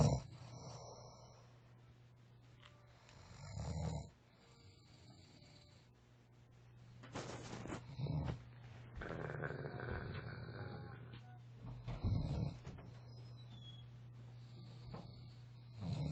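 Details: Sleeping friend snoring; low, rough snoring sounds with several breaths, room noise in the background: snoring.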